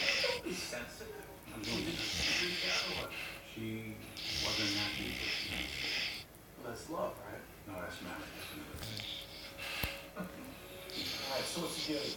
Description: Tober Coonhound dreaming and snoring.